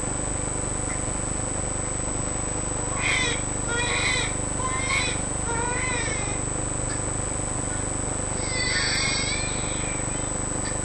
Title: Stridor & failure to thrive in 2months old baby